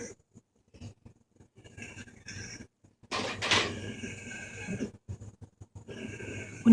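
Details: Dog with laryngeal paralysis during a respiratory distress episode despite medication, needing emergency vet care; loud, harsh, rasping, labored breaths, "like breathing through a cocktail straw": inspiratory stridor.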